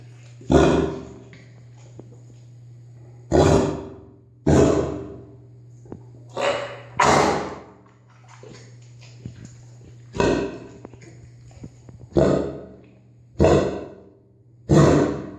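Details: Kennel cough in a Cane Corso dog: about nine loud, harsh, hacking coughs.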